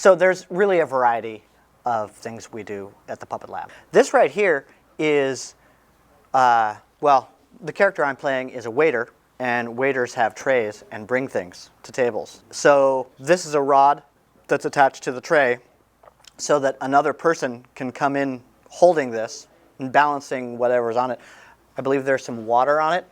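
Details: Adult speaker; normal voice.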